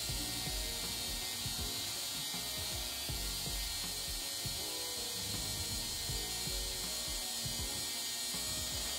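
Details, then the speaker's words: Podiatry treatment of a tiny painful corn on the side of a toe in a patient with Morton's neuroma: high-pitched whirring of a small rotary podiatry drill with uneven grinding pulses as it buffs down the lesion. "what i'm gonna do is just use a drill"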